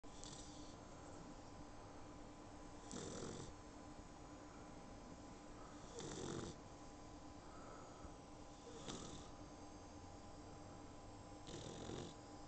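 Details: Sleeping puppy snoring, very tired after her first bath, recorded on an iPhone: regular soft snoring breaths every three seconds or so, about 20 a minute, over steady room hum.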